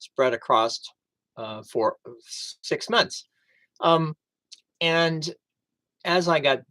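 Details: Man with aphasia after a stroke on September 26, 2011, at first unable to read, write or speak well, now 11 years into recovery; aphasia.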